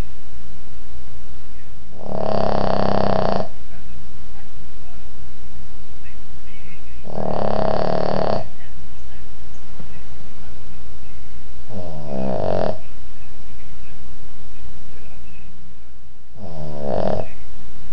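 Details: Snoring from a sleeping dog, recorded on an Android phone: deep, loud rumbling snores every few seconds, some ending in a rattling flutter.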